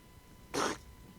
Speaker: This is what a seal sneeze sounds like.